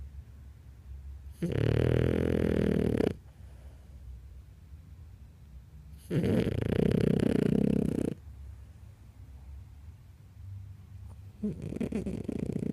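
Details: Zoe snoring: loud, rough snoring bursts of about two seconds each, separated by quiet pauses with low room noise between.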